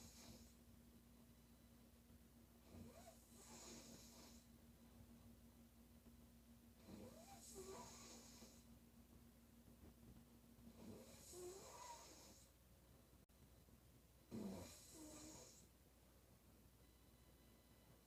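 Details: Woman snoring during sleep: four loud, rasping inspiratory snores, roughly 16 a minute and somewhat uneven, over steady room hum; heavy snoring.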